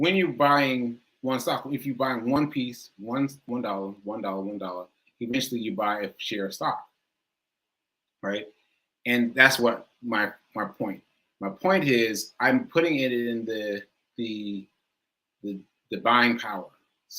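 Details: Male speaker who says aphasia is affecting him today and that he lost track of his point; speech shows word repetitions. Aphasia.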